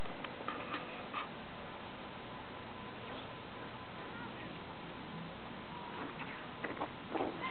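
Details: About 12-year-old Golden Retriever, asleep, with loud, alien-like growling stomach and intestinal sounds; the owner thinks it is probably indigestion: borborygmi.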